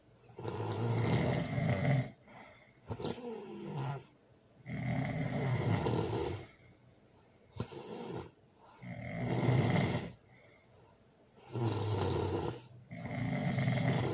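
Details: Loud snoring during sleep, recorded with a baby present: rough, low snores in repeated bursts with brief quiet gaps between breaths; ordinary heavy snoring.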